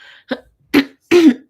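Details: A woman with a lingering cough she links to seasonal allergies, from blooming trees, gives a soft short burst, then two louder, voiced, gravelly throat clears during a live broadcast.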